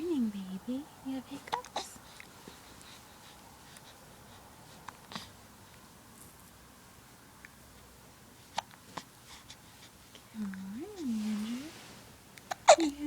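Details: Infant hiccups in the early morning: a few sharp, brief catches between soft baby coos, in a quiet room.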